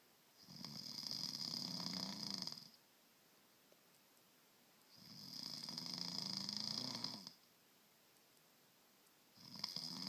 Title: Husband snoring